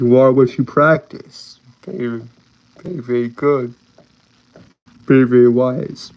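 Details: Lifelong stuttering, described as a speech impediment and disability, in a man with a slight southern accent.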